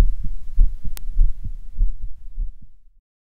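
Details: Normal heart sounds, stereo recording via two stethoscope heads with microphones, mitral area on right channel and Erb's point on left: regular low thumps, roughly 100 a minute, one sharp click partway through.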